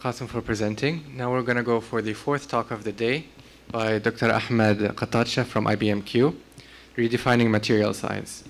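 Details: Adult male speaker; normal voice.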